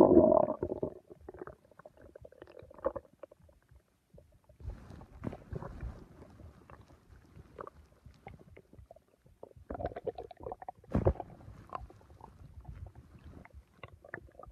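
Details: Stomach bowel sounds: irregular gurgles and rumbles in bursts with quiet gaps, ordinary stomach rumbling.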